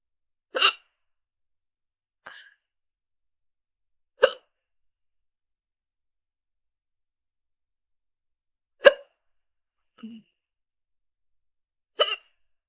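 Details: Young woman with hiccups: sharp, brief hiccups every few seconds, about six in thirteen seconds, with quiet between them.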